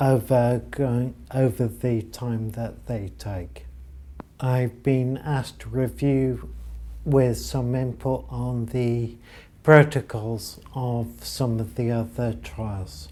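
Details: Adult male ataxia patient, diagnosed 10 years earlier after noticing speech deterioration and trouble walking downstairs: ataxic dysarthria.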